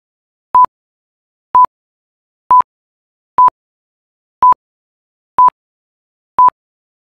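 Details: Steady electronic cardiac monitor beeps, one per heartbeat, at about 60 a minute in a quiet room; cardiac monitor heart rate beeps.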